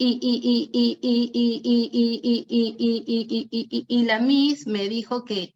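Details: Acted: a specialist imitates stuttered disfluencies in Spanish, with sound, syllable or word repetitions three or more times with force and tension; stuttering (sound and word repetitions).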